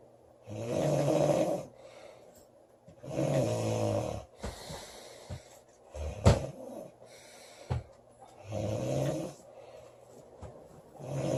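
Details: Loud snoring in a sleeping female: low, vibrating snores at about 20 breaths a minute, with quieter breathing and a few clicks between them.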